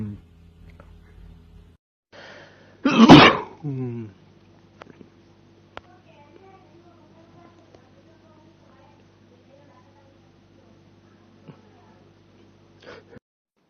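A single loud, forceful sneeze with a sharp explosive burst and brief vocal tail, then quiet room noise.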